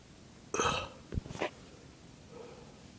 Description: Some burping after a small bloat.